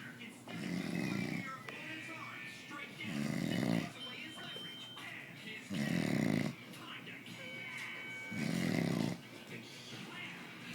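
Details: Loud, rough, rattling snores on each in-breath, about one every 2.5 seconds, from a man described as drunk; heavy snoring.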